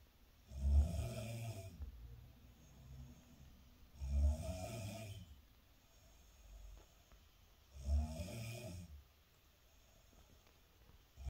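Loud, low rattling snores on each breath, about 17 a minute, with quiet pauses between; ordinary heavy snoring.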